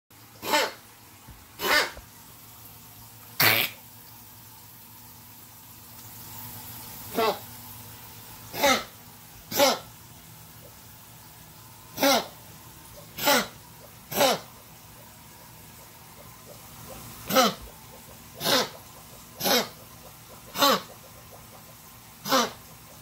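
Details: Cough sample: fourteen short, sharp single coughs at irregular intervals in a quiet room.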